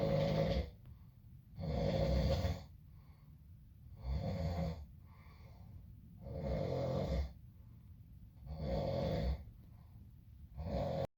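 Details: Loud rattling inspiratory snores, about five in eleven seconds, with quieter breathing between, from a brother with infections and a clogged nose; heavy congested snoring.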